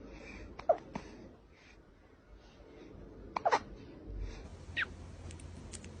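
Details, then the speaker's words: A kitten in a quiet room gives a few brief, sharp, squeaky catches at irregular intervals; hiccups. "Do you have the hiccups? Oh no, are you gonna be okay?"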